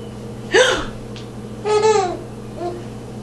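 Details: Baby girl with hiccups after eating sweet potatoes: a sharp hiccup-like catch of breath interrupting giggles, then a short voiced laugh and a faint final sound over steady background hum.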